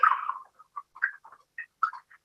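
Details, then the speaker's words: Transcranial Doppler bubble study (NovaSignal) screening for right-to-left shunt/PFO in cryptogenic stroke workup, Spencer grading, during Valsalva; many short chirping microembolic signals, bubbles starting before Valsalva end, complete whiteout for at least three spectral waveforms; no bubbles after release. "So over here you'll see quite a few bubbles even started before his end of his bas that was a complete white out for at least three spectral waveforms."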